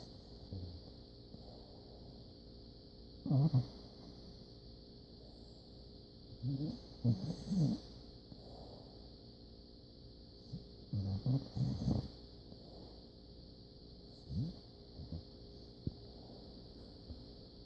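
Soft, irregular snuffling breaths in a puppy, about 14 a minute, over a steady background hum: light snoring.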